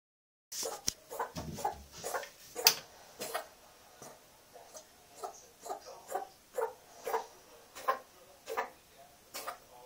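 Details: Pet just under 7 months old, coughing in similar bouts for a few weeks, cause unknown: about twenty short, quiet, evenly spaced coughs without pause; coughing bout.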